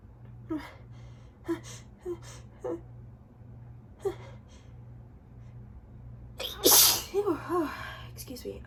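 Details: Quiet breathy sounds build to one loud explosive sneeze, then brief speech; an allergy sneeze from someone sneezing repeatedly for days.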